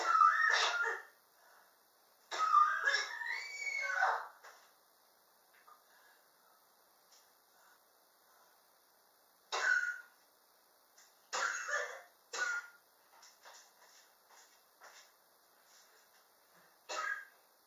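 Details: Chronic cough in a person, ongoing since summer 2016 and still present in 2019: repeated coughs, some in bursts, with quieter dry coughs and throat clearing between them.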